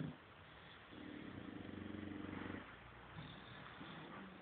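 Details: Soft, fluttering, rumbling snore under two seconds, then quieter breathing, from a sleeping bulldog; snoring.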